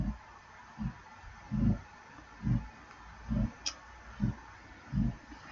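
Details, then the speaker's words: Tired dog snoring in the background during a live stream. "my dog is tired sorry if you can hear my dog snoring"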